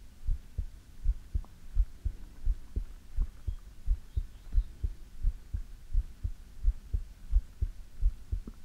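Steady, regular low thumping heartbeat at about 86 beats a minute with a soft background hum; a normal heart rhythm.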